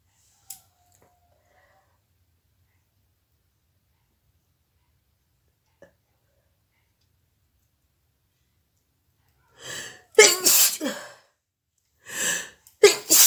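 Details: Nose-blowing and sneezing challenge video: a long quiet stretch, then a few sharp, explosive nasal bursts at the end, a short run of sneezes.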